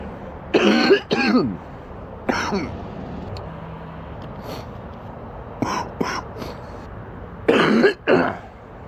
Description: a man is sick with an extremely stuffy nose and an absolutely horrible cough